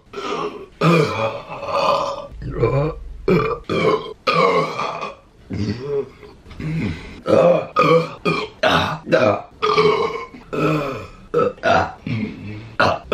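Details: From a compilation of deliberate burping: a rapid series of loud, voiced, croaking belches, some long and drawn out; burping.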